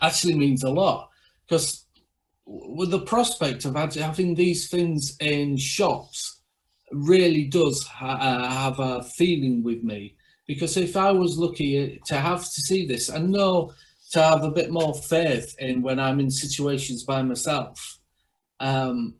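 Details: Aphasia in a man after a stroke from a large brain haemorrhage at age 43, nine years earlier; he can talk but struggles to read, write and process information; finding: aphasia.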